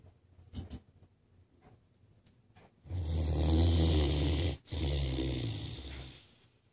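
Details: Great Dane snoring: soft snuffles, then a long, loud, deep rumbling snore with a brief break, like an old man.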